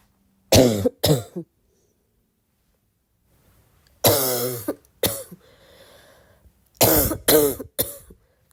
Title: more barking cough